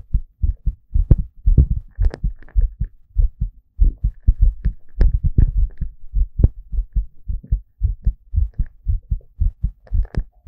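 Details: Young male's heartbeat, visible on the body: steady, regular low paired thumps at roughly 90 a minute; normal heartbeat.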